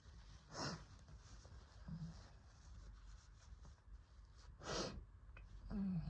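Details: Cough during an asthma attack after COVID: two separate harsh, breathy coughs with quiet breathing between them.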